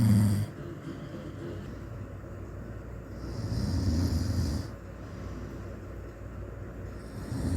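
Low, rough snoring breaths under steady background noise, a few slow cycles in several seconds, loudest at the start.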